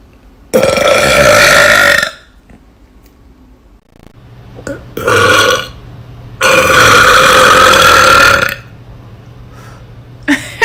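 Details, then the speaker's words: Woman (girl) deliberately burping on command after just drinking an Irish coffee; she has only just started learning to burp. Three long, loud, voiced belches, each one to two seconds, with quiet gaps between. "I'm way better at it on command to all the people that say burping isn't ladylike"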